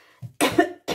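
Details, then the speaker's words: Adult woman, hoarse voice after recent illness: a single short, harsh cough burst with a brief throat sound before it. "Excusez-moi, j'ai la voix cassée,"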